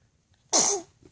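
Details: Single sharp, breathy sneeze from a baby boy while being fed peaches, one of repeated sneezes; ordinary harmless reflex.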